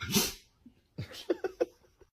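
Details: Dog sneezing: a sharp nasal burst, then a second sneeze and a quick run of small snorting puffs.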